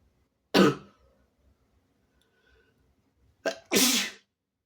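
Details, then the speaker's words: Sick person with a sensitive nose, sneezes deliberately induced: three explosive, wet sneezes with visible spray, one alone and then a quick pair after a pause, with coughing and nose blowing around them. "I'm spraying all over my leg, my arm, myself. Oh shit. I also sneezed all over my cell phone."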